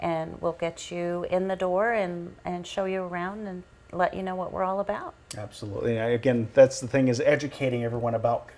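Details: Two adult speakers in conversation; ordinary speech.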